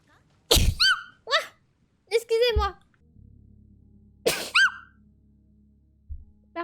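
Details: Repeated sharp sneezes, some with squeaky voiced endings, separated by pauses, each followed by the sneezer saying "pardon, excusez-moi", over faint hum and background music; a sneeze compilation.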